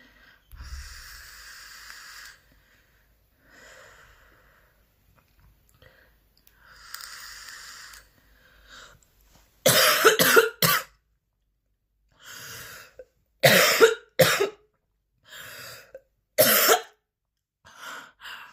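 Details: Short bouts of loud, harsh coughs, about eight, with noisy breaths drawn in between, part of an extremely intense, persistent coughing fit with heavy breathing lasting about ten minutes.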